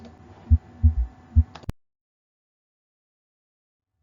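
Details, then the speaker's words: S3 gallop, a soft extra thud after S2, at a regular tachycardic rate of 108 per minute in a smoker with coronary disease and BP 100/60; taught as a sign of decompensated heart failure. "lo que se escucha Entonces es este tercer tono este r3 recuerden pacientes con insuficiencia cardíaca descompensada"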